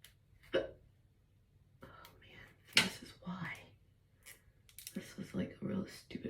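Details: Adult woman just woken, talking while doing her hair, with short sharp catching sounds at irregular moments among quiet breaths and murmurs in a small room; morning hiccups.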